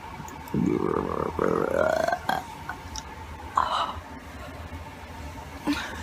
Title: Burping Pt. 2